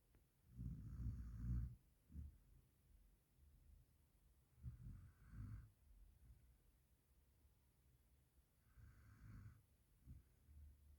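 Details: Dog, possibly an Indian mixed breed, snoring; low rattling snores on each in-breath, about 14 a minute, with quiet pauses between.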